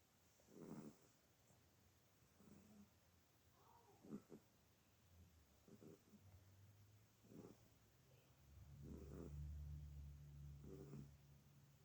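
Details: Male dog sound asleep ("out for the count") snoring: slow, repeated low snoring breaths with a faint room hum.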